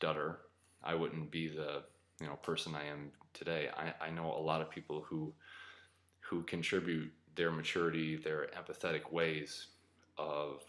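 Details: Adult man who identifies himself as a person who stutters, speaking from personal experience; real stuttering.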